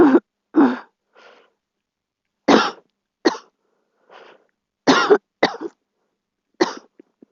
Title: Girl Coughing 330